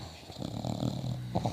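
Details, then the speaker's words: Dog sleeping on a couch, using his sister dog as a pillow, tongue moving while dreaming: low, rough rumbling breaths of loud snoring. "Listen to him snoring. Listen to that snoring. Wow, listen to him snore."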